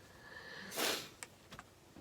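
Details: Adult female singer sniffling during a live stream: a single quick nasal sniff followed by faint small clicks in a quiet room.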